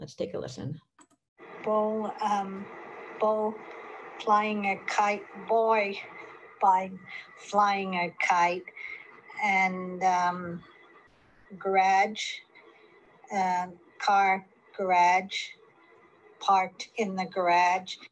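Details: Patient with primary progressive aphasia, a frontotemporal disorder, describing a picnic scene picture; non-fluent agrammatic primary progressive aphasia.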